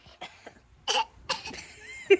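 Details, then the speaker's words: A couple of short, harsh coughs with throat clearing in a quiet room, during a week when a mother 20 weeks pregnant and her toddlers (aged 3 and 14 months) all have a common cold. "Me and the kids have a little cold. Thank God it's just a cold."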